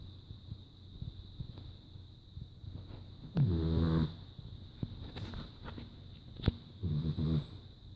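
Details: Sleeping French Bulldog snoring: two loud, rattling snores in a quiet room, typical noisy flat-faced breathing.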